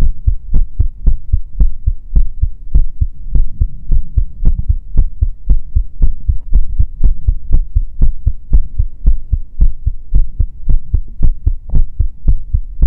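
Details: Heartbeat ASMR recording: steady, regular, low thumping normal heartbeat with a faint steady hum underneath.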